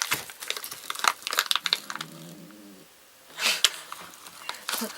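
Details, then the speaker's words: Small dog asleep gives a brief low, droning snore and a breathy snort amid crinkling and rustling in a small room. "Oh, do you hear that nice snore?"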